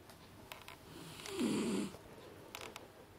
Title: Deaf Snoring Dog - Jack Russell